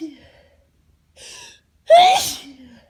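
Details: UK person allergic to grass at home, sneezing nonstop on holiday in Florida, not around animals: quick inward breath, then one loud explosive sneeze with voiced release; allergic sneezing.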